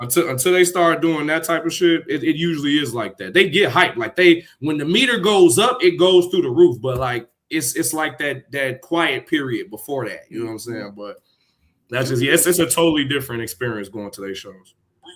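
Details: Adult man speaking; normal voice.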